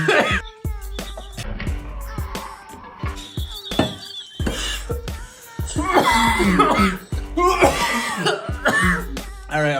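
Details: A cough from a person after eating red hot pork rind crumbs, which also got into the eye.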